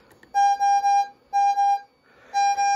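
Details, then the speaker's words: Datex Ohmeda 3900P pulse oximeter alarming because its high SpO2 alarm limit was set to 100: repeating groups of clear electronic beeps with short pauses. "i set the high alarm limit for the spo2 the oxygen saturation to 100 and that's why it's alarming"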